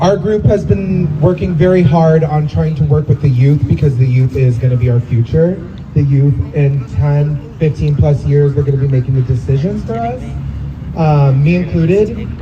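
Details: Adult man speaking; typical speech.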